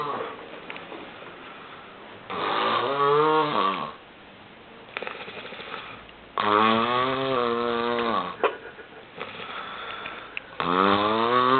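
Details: Adult flatmate sleeping after a night of heavy drinking, with loud, drawn-out snores of a whistling, whining tone, about three over ten seconds, quieter breathing between; snoring.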